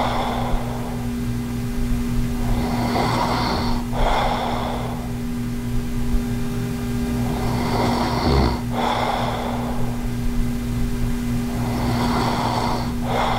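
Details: Snoring in a person with sleep apnea, recorded during sleep with or without an anti-snoring mouthpiece (unclear which); rough, rattling snores recur in slow cycles, about three breaths, over a steady hum.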